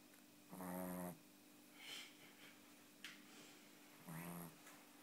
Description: 6 month old Tibetan Spaniel puppy sleeping.